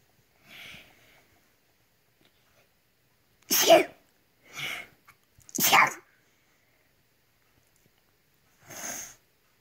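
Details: Child who sneezes whenever tired (fatigue or sleepy sneezing): several short sharp sneezes in a row separated by pauses; repeated sneezing.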